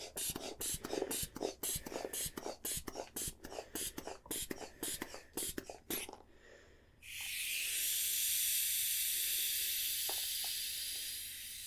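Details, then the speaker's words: About a dozen quick, rhythmic hand-bulb squeezes, then a steady hiss of air releasing from a manual blood pressure cuff on the non-dominant arm during a role-played ASMR nurse exam; reading 132/76, slightly high. "Okay, I'm just going to get some air into this. Here we are. We're just going to do this three times."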